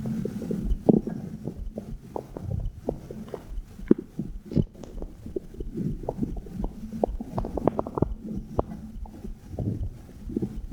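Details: Abdominal sounds recorded with a phone microphone placed on the belly button: frequent irregular gurgles, clicks and low rumbles of ordinary active bowel sounds; heartbeat also said to be captured.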